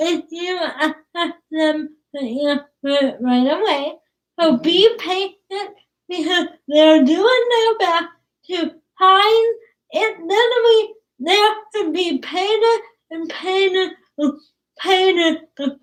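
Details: Young woman with cerebral palsy, sometimes hard to understand per parents, started talking late and worked with a speech pathologist on sounds such as plosives; dysarthria (cerebral palsy).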